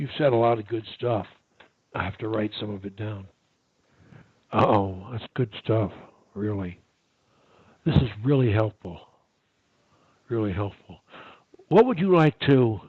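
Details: Adult male; normal speech.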